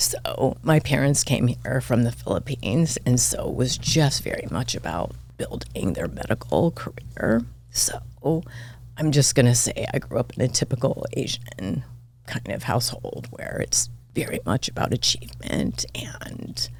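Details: Adult woman diagnosed this year with spasmodic dysphonia, vocal cord spasms, attributed partly to voice overuse and stress; voice cuts in and out, sometimes hoarse, apparently occurring during this interview.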